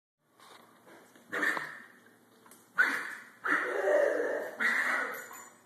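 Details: A Boxer dog with kennel cough gives repeated harsh, honking coughs in bursts.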